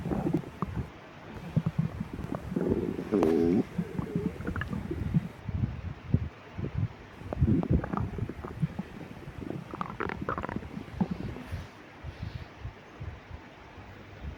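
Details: Irregular low gurgles and rumbles from the belly over steady hiss, from a person with severe lactose intolerance, before and after drinking milk after a 12-hour fast; active bowel sounds, borborygmi.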